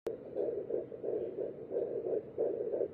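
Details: Fetal Doppler at 8 weeks 6 days of pregnancy: fast, regular whooshing pulses at about 170 per minute, an early fetal heartbeat.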